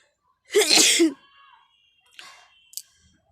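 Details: One loud sneeze followed by a brief sniff, deliberately induced by tickling the nose with a grass flower, with eyes and nose watering.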